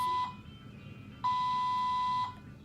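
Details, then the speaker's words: IV infusion pump alarm in a mother's hospital room after an emergency C-section, malfunctioning since the surgery: steady high-pitched electronic beeps, one short and one about a second long, in a quiet room. "it's still going off and I just have to call for the nurse just one of the many things we have to deal with moving down with it bad since yesterday"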